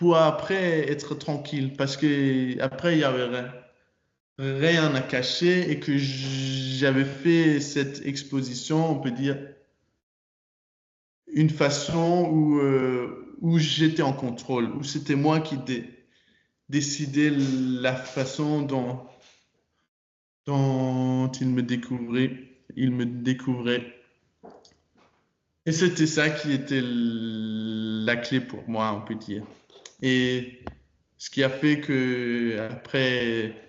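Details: Stuttering in a 22-year-old man speaking French. He began working on his stutter in his final year of high school and says it changed a lot after that.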